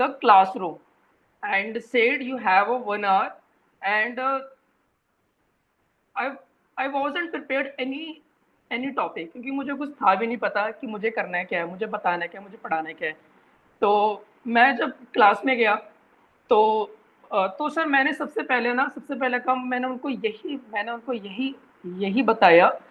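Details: Adult man who reports a speech disorder, stammering, with a part-word repetition block heard on 'training'; stuttering (stammering).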